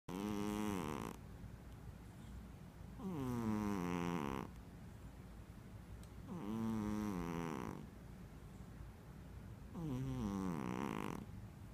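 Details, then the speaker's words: Persian cat snoring: regular buzzing, tonal snores about every three seconds, roughly 20 breaths a minute, with quiet pauses between. "Dexter, you're snoring. Oh, I finally have proof."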